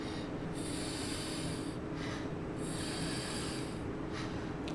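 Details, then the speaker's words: Quick, laboured breathing at 22 breaths a minute, pulse 98, in a woman having an asthma attack triggered by a cat, without her reliever inhaler; dramatised dental-practice emergency training scenario. "okay you're actually breathing quite quickly at 22 times a minute your pulse is high at 98 beats a minute"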